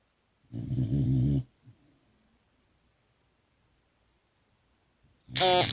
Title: Snoring Boxer pup